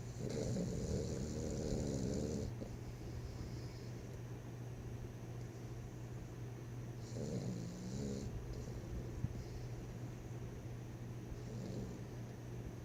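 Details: Two-year-old 25 lb pocket pit bull dog snoring while asleep: three slow, low, fluttering snores about five seconds apart against steady room hum.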